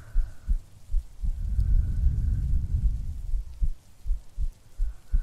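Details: Soft regular heartbeat thumps at about 78 a minute, briefly masked by a swell of rumbling rain noise; a woman's normal heartbeat recorded for a sleep-aid role-play.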